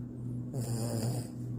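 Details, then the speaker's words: Loud, rattling snore on a single breath from a small sleeping Morkie dog, very tired, with low steady room hum behind; snoring. "do you think you're the only one who can snore that loud think again"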